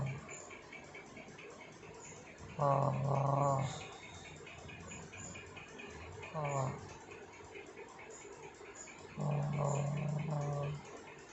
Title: mendengkur/ ngorok 😂